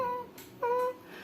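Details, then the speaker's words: Imitated expiratory wheeze: two high, thin whistling tones like a cat's whistle, mimicking the sound heard with the ear on an infant's chest each time the baby exhales in bronchiolitis, mainly affecting babies under 6 months. "um som tipo apito um Ronco às vezes é mais falado pelas famílias como que é um como se fosse um apito uma pinto de gato um apito de Agudo né que é cada vez que o bebê expira coloca o ar para fora ele como se tivesse apitando"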